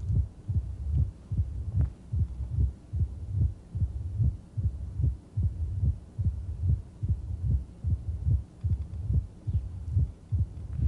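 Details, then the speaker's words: Simulated moderate mitral stenosis at about 73/min, with low heart sounds and a low diastolic rumble between beats. "now let's listen to moderate mitral valve stenosis"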